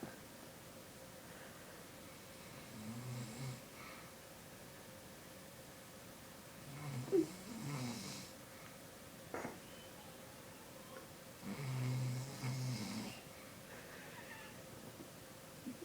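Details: Snoring: low, rattling snores about every four to five seconds, around 13 a minute, with quiet breathing between.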